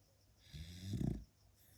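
A single low, rumbling snore from a sleeping dog on a quiet inward breath.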